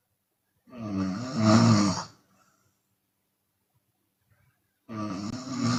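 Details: Open-mouth snoring from a Chinese woman during sleep, sometimes on exhale: a long, loud, rattling snore on breathing in, then a quiet pause before the next.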